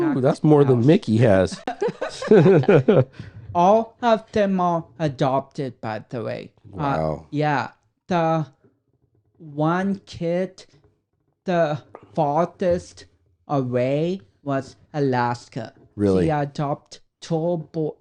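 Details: Dysarthria in a 32-year-old man with cerebral palsy, which he says affects his speech coordination and walking.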